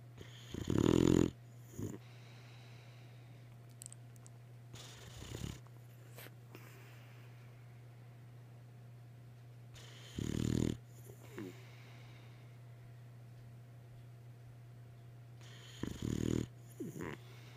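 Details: Snoring in a sleeping Boxer dog: three loud, rough snores at irregular spacing, roughly every five seconds, over a steady low electrical hum.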